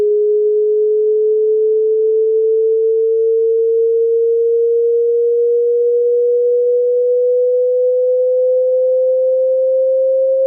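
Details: Online hearing test sweep starting at 80 Hz: pure steady tone rising slowly in pitch from low to mid range; hearing test tone sweep.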